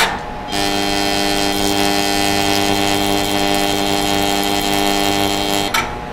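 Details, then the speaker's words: Hand-held CO2 laser firing in pulsed mode at 500 mJ per pulse, 100 pulses per second (50 W average), freehand zip-strip vaporizing apple skin: a steady loud buzzing tone of about five seconds, starting and stopping abruptly. "you can see that both of those give us a very clean and a very superficial vaporization i didn't even get all the way through the skin of the apple in some of these places"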